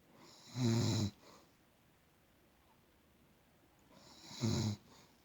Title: My Nana snoring